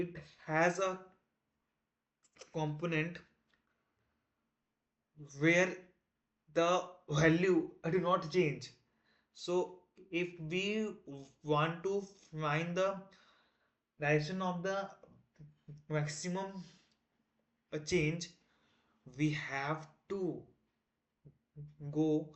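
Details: Man who identifies as a person who stammers, on day 1 of a self-set 30-day stop-stammering challenge, trying not to stammer: stuttering with audible repetitions and fillers.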